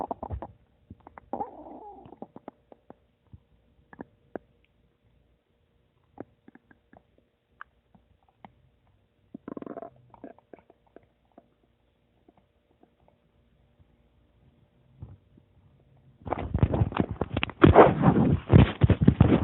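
Scattered gurgles, squeaks and clicks from the gut, ending in a louder crackly burst; ordinary stomach rumbling.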